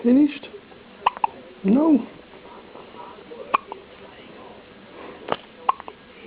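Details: Short, sharp hiccups at irregular intervals with brief fussing from a newborn baby in a quiet room; newborn hiccups.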